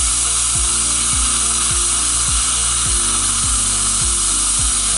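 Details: Steady high implant drill whine with a low hum and regular dips about once a second as the handpiece is pumped, slowly drilling the osteotomy for an Astra dental implant in the posterior mandible, where buccal bone is deficient.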